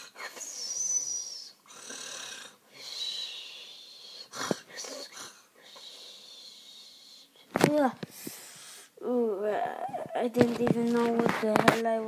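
A child acts out snoring: breathy, whistling breaths, then louder voiced snorts and groans. Imitated snoring, not real sleep.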